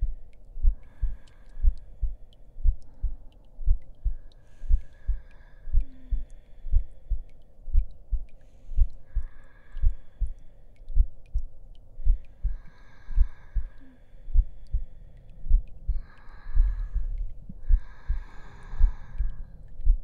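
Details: Simulated heartbeat in an ASMR roleplay audio, soft repeated low thumps at about 60 a minute with faint whispery sounds above.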